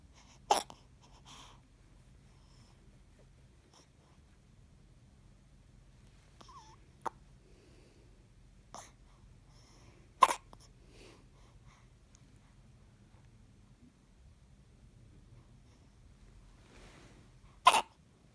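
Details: Baby with hiccups: a few sharp, abrupt catches spaced irregularly, about four over eighteen seconds, in a quiet room.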